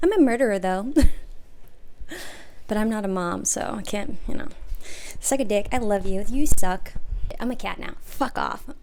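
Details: Adult woman with Tourette syndrome, mostly vocal tics, with coprolalia and recurring tic themes; vocal tics with coprolalia (Tourette syndrome).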